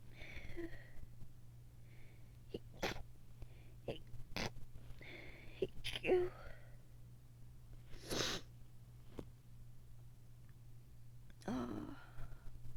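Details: A run of sharp sneezes with sniffs and quiet talk between them, in a person reporting allergies, a sinus infection, itchy watery eyes, sore throat, and exposure to a dog, dust and pollen.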